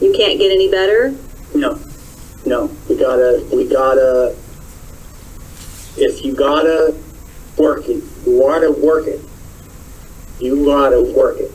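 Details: Broca's (non-fluent) aphasia in a young male patient, interviewed by his therapist.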